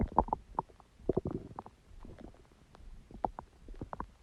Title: Stomach sound and noise | My Stomach Makes Noises